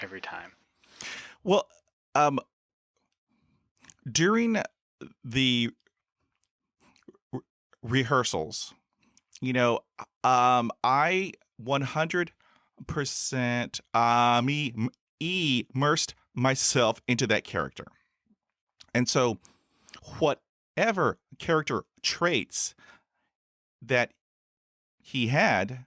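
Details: Adult male podcaster who stutters, since school years, with about 20 years of speech therapy in school, college and the US Air Force: stuttering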